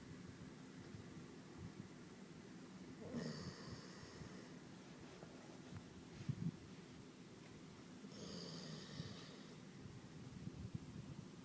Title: Blue Snoring